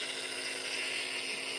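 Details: Nebulizer used every 4 hours by an adult woman with double pneumonia and MRSA: steady high-pitched mechanical hiss and hum of the compressor delivering aerosolized medicine; nebulizer compressor running.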